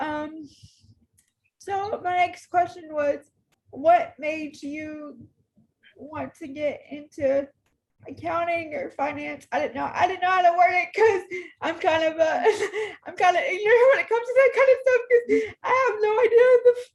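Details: Woman in her 30s with cerebral palsy who uses a power wheelchair and reports difficulty getting her words out and being hard to understand; dysarthria (cerebral palsy).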